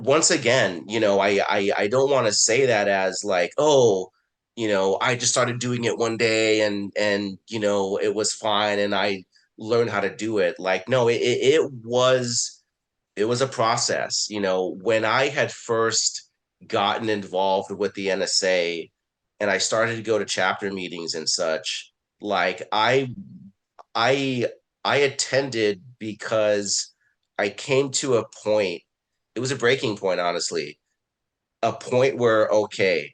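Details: Adult man who identifies as a person who stutters, with word and phrase repetitions and filler words; stuttering.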